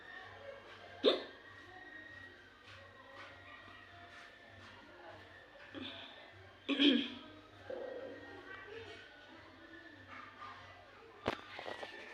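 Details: Three sharp, abrupt hiccups from a woman in about twelve seconds, with quiet room hum between them.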